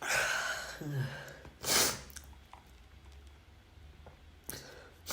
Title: another sneeze compilation (M)